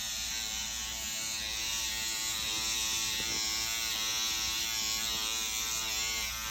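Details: SkinPen microneedling pen running on an adult man's face at a dermatology clinic, after radiofrequency treatment and before PRP is painted on; he breathes nitrous oxide for pain. Steady high-pitched electric buzz with faint room noise.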